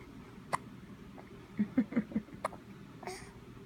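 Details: Drooling infant with hiccups: a few short, sharp hiccup jerks between soft babbling and gurgles; ordinary infant hiccups.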